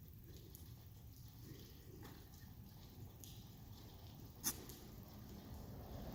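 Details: Baby goat inhales dust and gives a single brief, sharp sneeze; sneeze.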